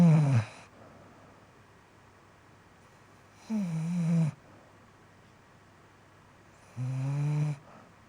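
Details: Three low rattling snores about three seconds apart with quiet pauses between; snoring.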